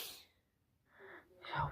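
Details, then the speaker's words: Sneeze burst, a pause, then a sharp in-breath building toward another sneeze; repeated sneezing from hay fever (allergic rhinitis) with an itchy, runny nose and watery eyes, which the person insists is allergy, not a cold. "It's definitely not cold. It's just allergy. Oh, it's just so sniffly."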